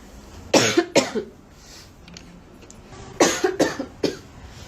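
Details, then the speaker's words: Repeated cough, two pairs of sharp bursts with room noise between them, from a girl who apologizes during a live sale for her bad cough and says she needs to buy cough syrup. "Nossa, gente, você desculpa pel essa tosse, mas tá osso."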